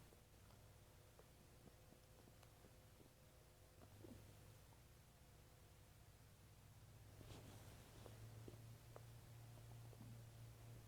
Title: stomach growling for 7 minutes as I eat and drink water